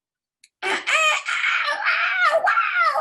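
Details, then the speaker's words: Adult imitating the high, rising-and-falling wailing scream of an overstimulated infant who wants to fall asleep (imitated baby cry). "elle était hyper stimuler il y avait trop de choses et elle disait ça au bout d'un moment elle était tellement stimuler qu'elle se mettait à faire"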